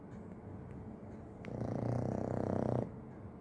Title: is snoring 😂🤣